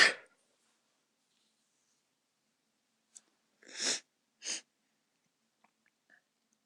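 A few short, sharp sneezes separated by quiet, the last two close together; brief sneezing bursts in a quiet room.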